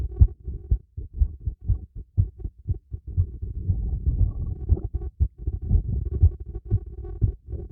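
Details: Heartbeat heard through a stethoscope during light workout with breath play: fast, strong low thumps mixed with heavy breathing noise; normal heartbeat, quickened by exertion.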